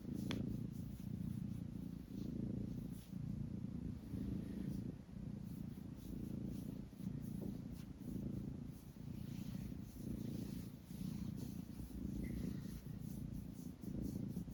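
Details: A relaxed cat's steady, low, rumbling purr, rising and falling with each breath about 30 times per minute.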